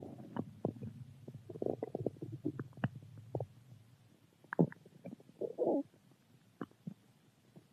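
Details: Low gurgling rumbles and squelches in irregular bursts over several seconds, recorded while drinking juice: ordinary stomach growling, a normal bowel sound.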